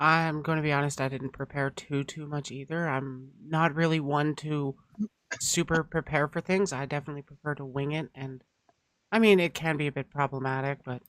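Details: Adult male speaker; normal speech.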